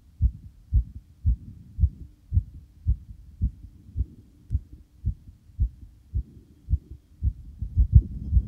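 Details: Adult male's own heartbeat recorded just after exercise, steady and fast at about 110 beats a minute, a normal quickened rate that eventually slows.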